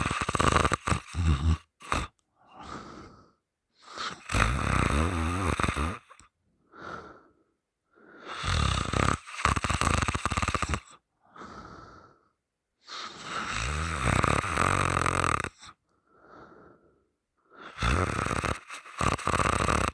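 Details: Loud, rough open-mouth snores with each breath, some with a whistling, wheezy edge, about six breaths in twenty seconds; partner held the sleeper's nose shut three times, the sleeper waking the third time.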